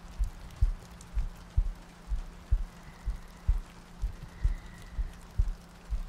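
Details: Heartbeat in an ASMR sleep-aid loop with rain ambience and soft breathing: steady, low paired thumps at about 63 beats per minute, even and regular, over a faint soft background.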